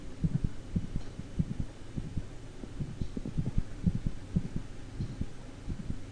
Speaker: and we'll listen to a dog with a mid-systolic click dog also has sinus arrhythmia